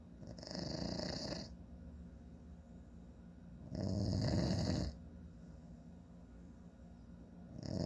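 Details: Two loud, rattling snores during inhalation, about 17 a minute, with quiet breathing between, from a sleeping adult man; ordinary snoring.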